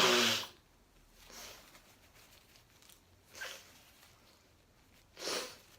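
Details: Allergic rhinitis sneezing despite three allergy tablets taken: one loud sneeze followed by quieter sniffs and nasal snorts.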